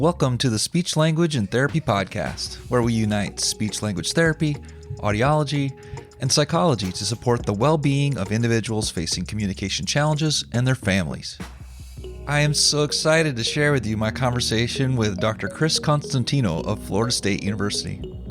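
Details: Adult speaker; typical fluent speech.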